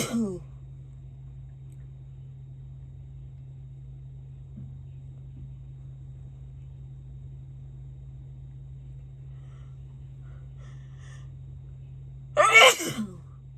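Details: Long, quiet stretch with a steady low hum and a brief breathy sound at the start, ending in one sharp, explosive sneeze after false starts; an ordinary sneeze.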